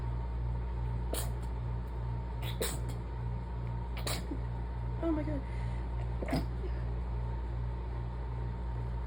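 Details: Rapid, desperate, barely stifled sneezes during an allergy fit, too fast to get enough air to stifle properly: four quick, sharp, muffled bursts a second or so apart over steady background hum.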